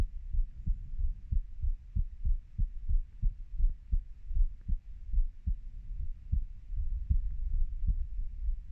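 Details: Own heartbeat of a 30-year-old: steady, deep, low regular thumps at about 90 beats a minute with light background hiss; normal heart sounds.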